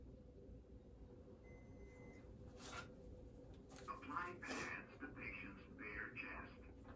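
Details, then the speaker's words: AED voice prompts during simulated cardiac arrest management training, after an unresponsive patient with no pulse or breathing and chest compressions begun: device tone, then prompts for rhythm analysis, stay clear, shock advised, charging. "to flashing light analyzing heart rhythm stay clear of the patient touch the patient shock advised charging stay clear"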